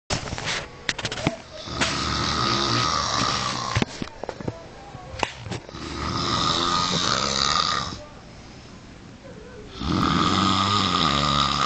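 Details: Extreme snoring: loud, heavy snoring during sleep.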